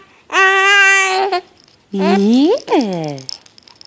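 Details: A baby with hiccups, seemingly scared by them, gives two loud, high wailing cries with rising and falling pitch, separated by a short pause; an infant cry.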